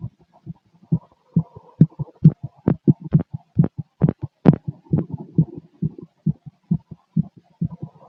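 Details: Male chest auscultated with a stethoscope: fast, regular paired heart thumps around 130 beats per minute, a rapid heartbeat (tachycardia).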